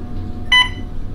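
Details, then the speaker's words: In a labor room, a single loud electronic beep over quiet room hum: an IV infusion pump alarm that the nurse said meant the laboring mother's fluid bag had only an hour left. "alright so all of a sudden we have this loud beeping we don't know what it's for"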